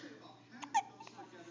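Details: Baby with hiccups: a single sharp, voiced infant hiccup amid faint background voices.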